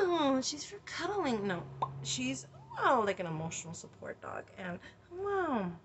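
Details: Adult woman with tics that she says have been changing and progressing, trying new medical marijuana medication, produces involuntary interjections such as 'oh' and 'wow' while talking; vocal tics.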